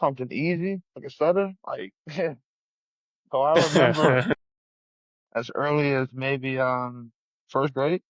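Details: 34-year-old male UFC heavyweight fighter with a lifelong, persisting stutter since childhood, noticed in school, with hard blocks on 's' words and on his own name; stuttering.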